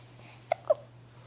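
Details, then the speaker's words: Hiccups in a baby boy: two short, sharp hiccup sounds amid a parent's cooing talk; a common harmless infant finding. "I see em do have the hiccups you do you swinging ha let's stop tougher to you oh yeah I know tell me tell me oh those hiccups their pesky aren't they do pesky"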